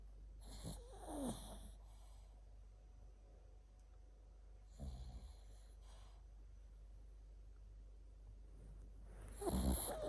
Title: Chihuahua Roko sleeping snoring dreams cute dog ever love him